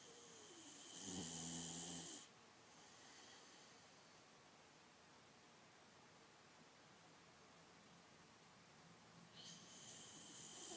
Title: Funny boxer snoring